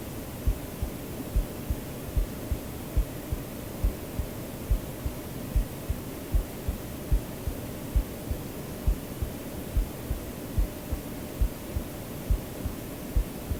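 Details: A real self-recorded human heartbeat mixed into a sleep-aid track, with soft regular thumps at about 70 a minute beneath steady white noise; normal heartbeat.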